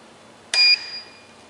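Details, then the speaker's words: A single short, clear electronic chime fading briefly as a syringe pump is switched on: the syringe pump power-on tone. "In this video, I will show you how to use this syringe pump. So first, you turn it on."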